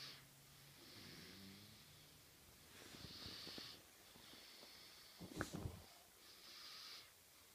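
Quiet, breathy sleep breathing in a small room, with occasional low rattling snorts on some breaths: soft snoring.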